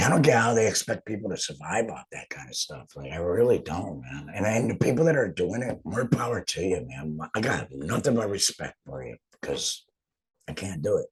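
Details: Real adult laryngectomee speaking after total laryngectomy, now back at work. The finding is alaryngeal speech after total laryngectomy.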